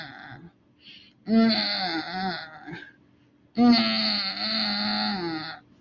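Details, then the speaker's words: Expiratory grunting, a newborn respiratory distress sign, imitated by an adult: two drawn-out voiced grunts, possibly mistaken for singing, heard in babies having trouble transitioning after birth. "that's expiratory grunting it's not a good um sound okay"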